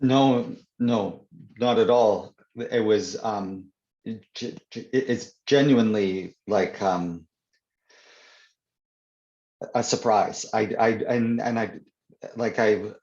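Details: Adult man who stutters (stammers), speaking in an interview; word and phrase repetitions audible; stuttering.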